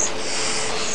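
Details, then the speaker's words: Child with compensated second-degree stenosing laryngotracheitis, finding it harder to breathe in: harsh, noisy inspiratory stridor from a narrowed upper airway. "предположить ему тяжелее сделать вдох вот это инспираторной strether то есть стенозирующий ларинготрахеит второй степени он компенсирует второй степени"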